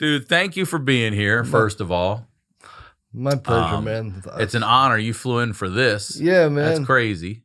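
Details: Adult male speakers in conversation; plain speech.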